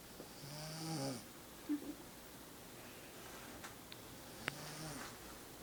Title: Snores